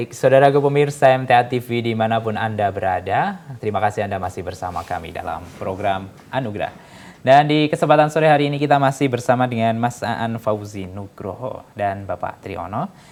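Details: Adult male presenter; Normal speech.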